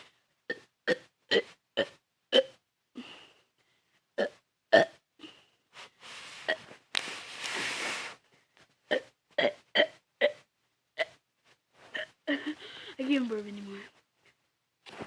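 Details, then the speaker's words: Person doing a deliberate burping challenge: a rapid run of about fifteen short, loud voiced burps, with a few longer drawn-out belches and breathy pauses between. "You guys should be counting how many times I'm burping."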